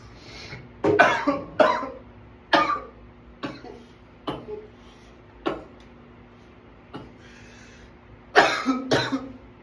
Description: here is a runaway coughing attack i was having.